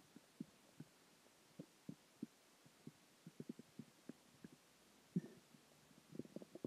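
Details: Stomach growling after dinner, water and gas: quiet irregular gurgles and pops from the belly with a longer rumble near the end; borborygmi.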